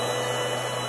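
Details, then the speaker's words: Homemade filtered CPAP built from ambu bag valves and a 120-volt air pump motor run at about a third speed by voltage controller, holding PEEP 10–12: steady loud whirring hum of the blower motor. "voltage controller has the motor running at about a third speed it's 120 volt motor"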